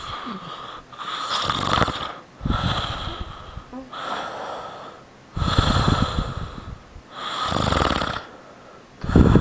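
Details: Adult father snoring while asleep: loud, rhythmic rattling snores on each breath, about six to seven a minute, with a whistling edge.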